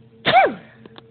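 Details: Baby's pretend, imitated sneeze: one short voiced 'achoo'-like burst with a falling pitch over faint background hum.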